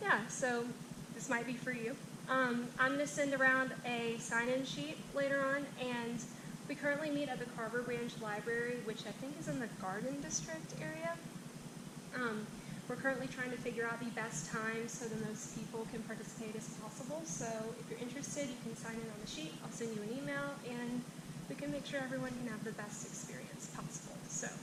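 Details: Adult woman; normal speech.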